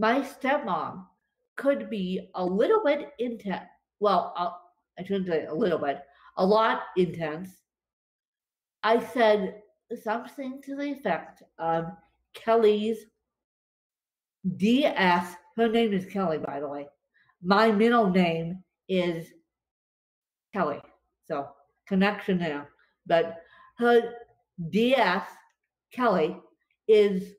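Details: Dysarthria in an adult woman with cerebral palsy affecting her limbs and brain; she describes speech as tongue-tied following a bad spasm day.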